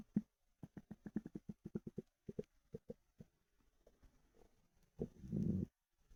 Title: Ravenous stomach rumbles